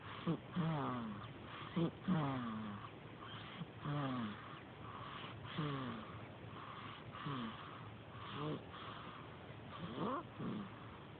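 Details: Noisy, snorting breaths with short squeaky voiced tones, about 39 a minute, over room hiss, from a newborn; caregiver worries it isn't healthy for her to snore so early. Snoring-type noisy breathing.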